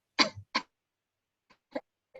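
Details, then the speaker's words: Adult demonstrates two short, dry, hacking non-productive coughs, without phlegm rattle, to contrast dry with phlegmy cough in a pediatric tuberculosis talk. "Jadi bukan batuk kering yang nah ini batuk kering nih."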